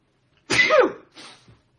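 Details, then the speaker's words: A single explosive sneeze from an adult, a sharp hissing burst with a softer trailing exhale; the adult denies getting sick, suggesting dust in the nose: an ordinary sneeze. "wait why am I sneezing I'm getting sick not really"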